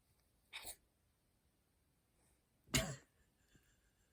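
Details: Two brief, sharp, airy bursts from a black cat during her bath, a small cough that sounds close to a sneeze; owner suspects it may be hairball related.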